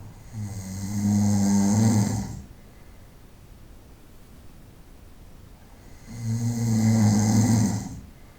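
Two long, deep, rumbling snores with a quiet pause between them, from an adult asleep at night.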